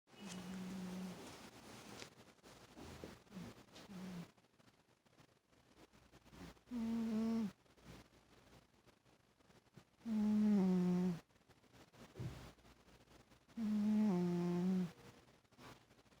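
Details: Overweight cat snoring in sleep: soft, regular, slightly whistling snores roughly every three and a half seconds, about 17 breaths per minute, in a quiet room.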